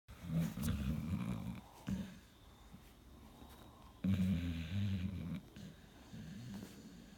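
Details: Loud, rumbling low snores from a sleeping Pit Bull, two long rough breaths with quieter breathing between; owner states the dog has sleep apnea and restless leg syndrome; snoring.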